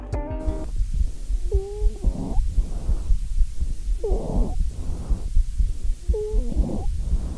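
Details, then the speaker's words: Wheeze: high-pitched, whistling musical sound during expiration from airway narrowing, as in bronchial asthma, heard over noisy airflow across repeated breaths. "yang pertama ada amazing adalah bunyi yang ditimbulkan karena penyempitan jalan nafas yang diakibatkan oleh asma bronkis lainnya biasanya bunyi terdengar dengan nada tinggi seperti siulan pada saat ekspirasi ininya seperti ini"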